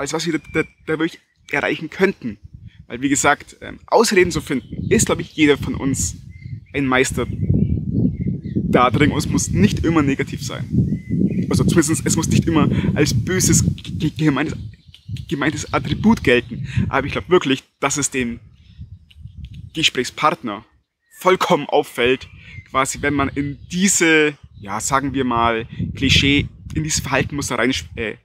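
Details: Stuttering in an adult German-speaking man who stutters.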